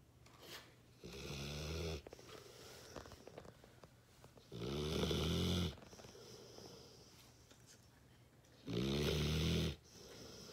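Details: Sleeping female puppy: loud, rough snores about every four seconds, roughly 15 a minute, with quiet breathing between them; snoring.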